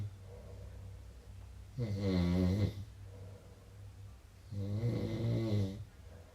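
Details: Person snoring: two loud, deep, rattling inward snores, each about a second long, with softer breathing between, about 20 breaths a minute; snoring.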